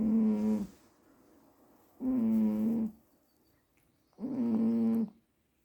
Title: Juniper sleeps comatose and snores like a tree cutter 🤣😹